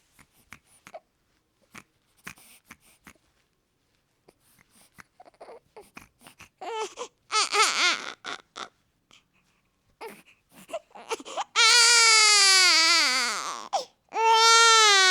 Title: New Born Baby Crying | Sound Effects | Days Baby Boy Crying Sounds | Cute Baby Boy | Free Sounds